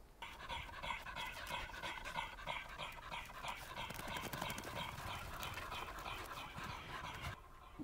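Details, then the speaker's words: Inspiratory stridor in a springer spaniel dog with laryngeal paralysis, at rest without exercise: rapid noisy rasping breathing, about three breaths a second, high-pitched harsh sound on each breath in. "so you can typically hear the um the high pitch in that in that noise okay"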